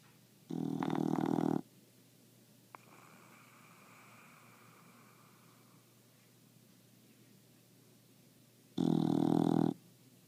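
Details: English bulldog napping upside down and drooling, with two short, harsh, snorting snores about eight seconds apart in a quiet room; dog snoring.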